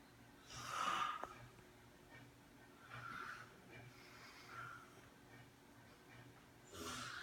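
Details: A friend asleep gives noisy, snorting breath sounds, some with a faint whistle, against a steady low room hum: snoring.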